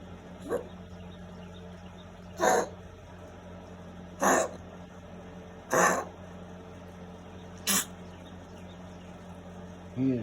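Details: Eleven-year-old dog, Tango, gives short, harsh, sneeze-like coughs, six in about ten seconds, repeating constantly; owner unsure whether it is a cough, vet visit pending.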